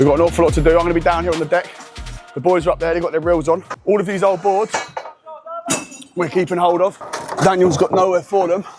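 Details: Adult speaker; normal speech.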